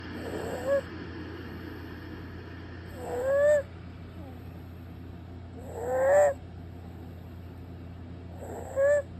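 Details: Possible stridor at night with the patient sleeping on an elevated bed, which makes it less prominent: noisy breaths ending in a rising high-pitched squeal, about 22 a minute.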